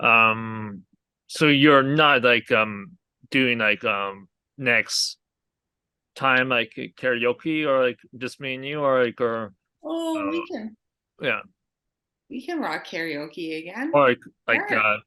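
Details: Aphasia in a male stroke survivor who had a hemorrhagic stroke from an arteriovenous malformation at age 20.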